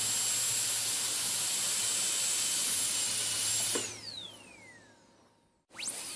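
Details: Dental drill, ASMR on-and-off recording: a high-pitched whine runs, then spins down and briefly restarts.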